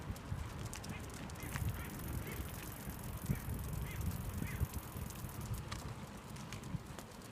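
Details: Dog coughing while running: a run of about five or six short, goose-like honking coughs over heavy wind and movement noise.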